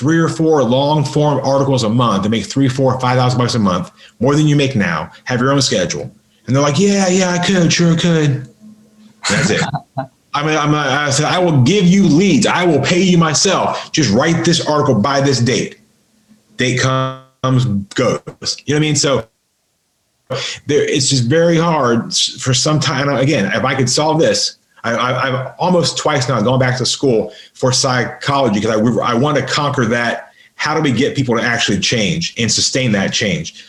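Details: Adult man with a lifelong stutter, severe by his own account, improved through hard practice including 12–13 days at a speech school; real stuttering in a podcast interview.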